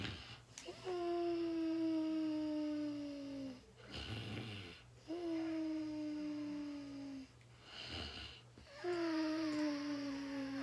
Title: snoring is 6 hours